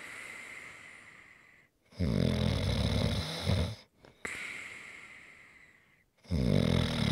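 Loud, rough, rattling snores on each breath in, separated by quieter breaths out and brief pauses, typical snoring.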